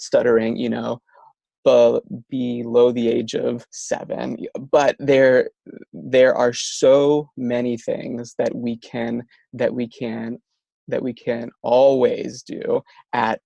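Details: Stuttering in an adult male speaker, a speech-language pathologist who stutters himself; stuttering.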